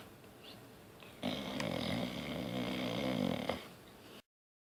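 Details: Dog snoring: a single drawn-out, rattling, fluttering breath of about two seconds rising from quiet room noise and fading again.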